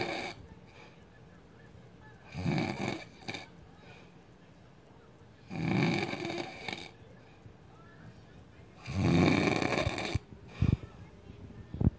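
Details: An adult man snoring loudly: loud, harsh snores roughly every three seconds, with quiet gaps and a few softer snorts; snoring.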